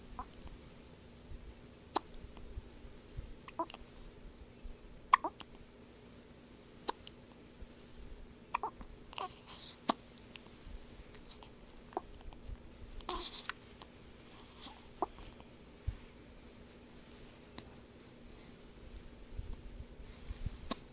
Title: Hiccups 9/20/11